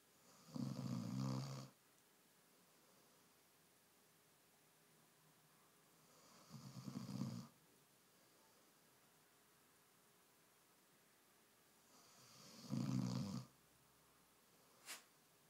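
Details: Dog snoring while lying on someone: three loud, low, fluttering snores about six seconds apart, near 10 breaths a minute, in a quiet room; snoring.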